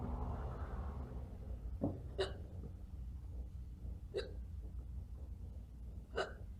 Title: Probably Fake Hiccups